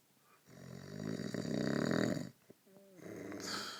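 A loud, rattling, fluttering breath drawn in over about two seconds, a pause, then another rough breath begins; snoring.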